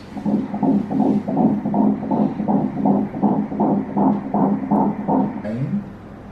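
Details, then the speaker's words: Fast, regular whooshing beats at about 160 a minute on an ultrasound Doppler during a pregnancy scan in a woman's second pregnancy; fetal heartbeat. "A little heart there, the movement, and we're going to listen to the sound of the heartbeat."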